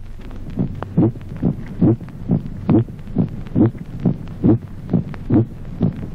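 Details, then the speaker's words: Teaching recording: steady heartbeat near 70 a minute; the aortic second heart sound rings with a musical, resonant (tambour) quality in aortic aneurysm. "Ejemplo triésimo. Resonancia del segundo ruido cardíaco. Timbre musical del segundo ruido aórtico en el aneurisma de la horta."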